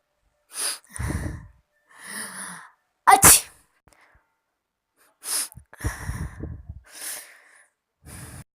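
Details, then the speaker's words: Acted, exaggerated loud sneezes for fun, the fourth type ("loud sneezer") in a series of sneeze types; each has a sharp intake and an explosive burst; harmless. "चौथा वाला जो है लाउड स्नीजर।"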